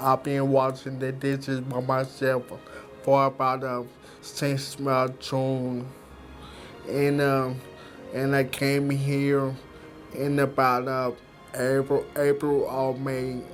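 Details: Post-stroke speech impairment in a man who had a stroke at age 23, described as an aneurysm, after a tremendous recovery.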